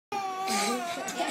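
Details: Infant crying: a brief, sustained high-pitched wail from a baby.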